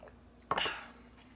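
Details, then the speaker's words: Brief exhalation at the end of a swallow of water during a Passy-Muir speaking valve demonstration; as the airway reopens, a positive-pressure column of air exits the trachea, helping prevent aspiration. "notice that I had a brief exhalation at the end of my swallow this occurs because as the airway opens back up at the end of a swallow a column of air under positive pressure exits the trachea and this helps prevent aspiration"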